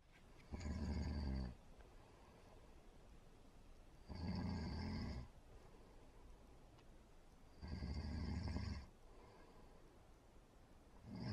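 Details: Steady, rumbling snores about 17 a minute, each a long rough in-breath with quieter breathing between; snoring.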